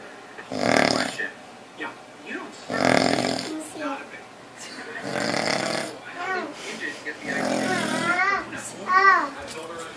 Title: Papa snoring lol